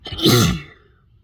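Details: One explosive voiced sneeze with a sharp burst of air that fades quickly; ordinary single sneeze from a spring sneeze compilation.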